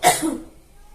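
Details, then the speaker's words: Acted cough in a cough-etiquette demonstration: a single short, forceful cough burst from an adult, fading quickly into quiet room noise. "Bagaimana perasaan Anda bila ada orang batuk sembarangan di depan Anda"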